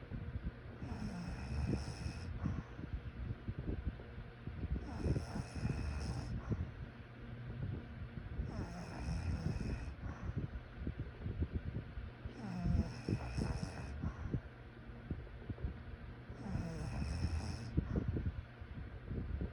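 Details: Regular rough, rattling snores about every 4 seconds, roughly 16 breaths a minute, over steady room noise during sleep.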